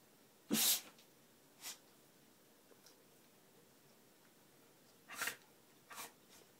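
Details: Four short, sharp, hissing bursts through the nose over several seconds, the first the loudest, from a beagle that sneezes a lot; repeated sneezing.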